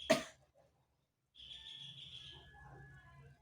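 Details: Nursing demonstration of deep-breathing and effective-cough training: seated adult woman inhales through the nose three times, holds 3 seconds, then gives a single short, forceful deliberate cough, followed by quiet.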